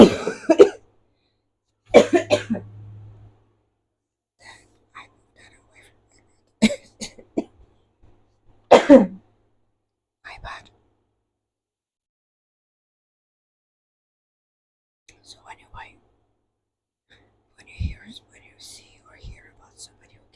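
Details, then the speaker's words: Two or three short coughs and throat clears early on, then faint soft noises in a quiet room during whispered ASMR book reading, from an adult still recovering from a cold; mild cough. "so it is ASMR with both Whispering sometime cuffing cuz I'm Sil recovering from a c and dad book noise"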